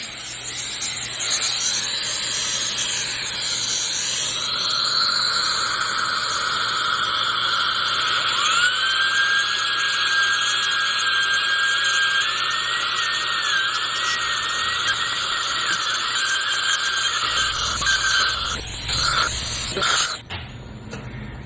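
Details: Dental repair of a broken tooth done without anesthesia: steady high-pitched whine of a dental drill, shifting slightly in pitch, smoothing the restoration, which extends under the gum.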